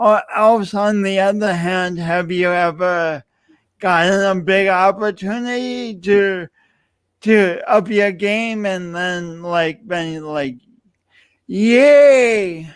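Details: Adult man speaking; speech impediment (disfluency).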